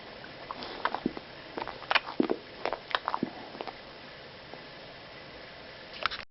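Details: 4-year-old male boxer grinding his teeth, with irregular sharp scraping clicks and gritty tooth-on-tooth bursts. The cause was conformational dental problems needing 4 extractions and a cyst removal; no grinding one month after treatment.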